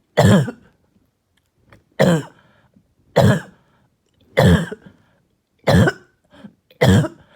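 Six harsh, hoarse single coughs, evenly spaced, with brief quiet gaps; a barking cough.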